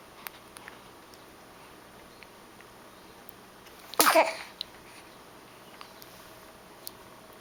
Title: The Big Sneeze